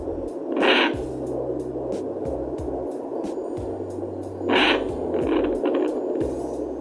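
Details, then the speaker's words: Fetal heartbeat at 31 weeks 6 days pregnancy, heard on a home handheld Doppler using cocoa butter lotion instead of gel, baby kicking: fast, steady pulsing beats through Doppler static. "and his heartbeat is already getting picked up I'm just trying to make it louder"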